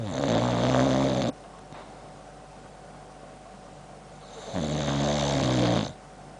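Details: Boxer dog with heavy jowls snoring while asleep: two loud, rattling, buzzing snores about four seconds apart with a quiet gap between them.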